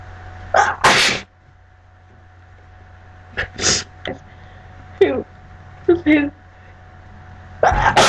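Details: A person with a blocked nose gives several loud sneezes, each with a sharp breath in before it, and a few voiced sounds over a steady low hum; repeated sneezing.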